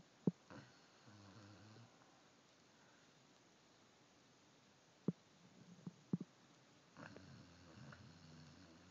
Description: She snores like a lil human